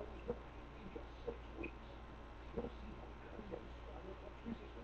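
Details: Infant snoring in a sleeping 3-day-old newborn girl: soft, snuffly grunting snores, roughly one a second and somewhat irregular, over quiet room hum.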